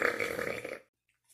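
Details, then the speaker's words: Woman burping: a single drawn-out voiced belch lasting under a second, then quiet. "oh God excuse me guys I have to burp guys oh hell yeah that was good"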